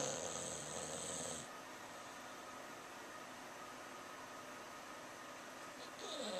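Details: English Bulldog snoring in sleep after a busy day, also barking and running in his sleep, recorded on a Flip Video camera; loud, rough snoring breaths separated by a quieter stretch.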